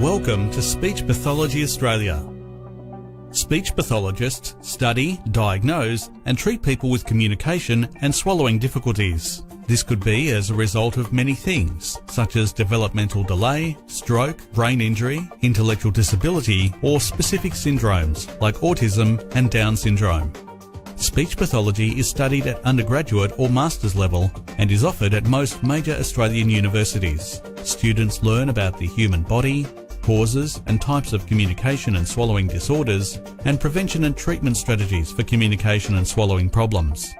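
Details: Adult male narrator with background music; normal speech.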